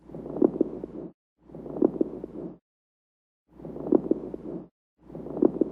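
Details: Lung crackles in heart failure with pulmonary edema, heard through a stethoscope as fine popping clicks during each of repeated breath cycles.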